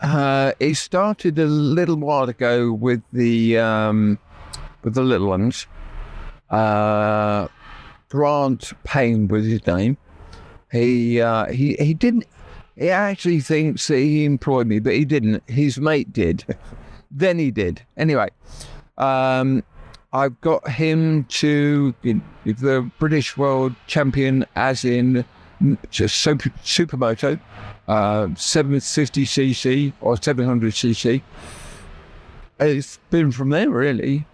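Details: Real adult man with persisting aphasia after a near-fatal stroke that paralysed his right side; he had to relearn speech, leaving hospital able to say only three words, and still knows what he means but the words come out differently.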